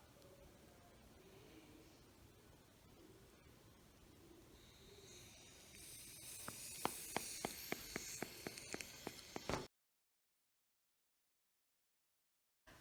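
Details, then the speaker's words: Steady hiss of cuff air release, then sharp regular clicks during deflation: a manual resting blood pressure reading with cuff and stethoscope on a younger brother, measured at 124/72, slightly elevated, possibly from earlier caffeine and soda. "i was able to measure henry's blood pressure to be 124 over 72 which is slightly elevated blood pressure"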